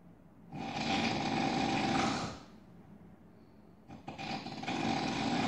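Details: Two long, harsh, rattling snores with a fast buzzing flutter, loud and grating like a drill or chainsaw, separated by a quiet pause.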